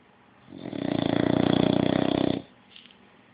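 One long, rattling, fluttering snore lasting about two seconds, then quiet; snoring in a sleeping puppy.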